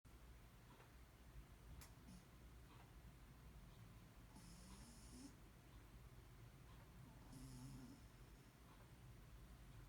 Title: Chiquis (the Most Boring Cat in the World) snores and wakes up from his nap